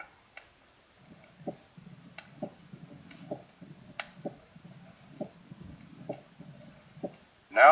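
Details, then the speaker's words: Sharp mitral first heart sound ending a rough crescendo presystolic murmur of advanced mitral stenosis, regular at about 65 a minute; the rumble cuts off abruptly in the crisp, snapping first sound, which is always sharp though not always loud. "a presystolic murmur is always associated with and ends abruptly in a sharp micro first"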